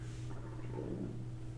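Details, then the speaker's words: Low, rumbling gurgle of a hungry man's stomach heard during a podcast, over steady room hum; ordinary stomach growling. "right I'm a little hungry sorry about that that's okay you can hear the stomach grumbling like jay-z would say can hear that stomach rumbling"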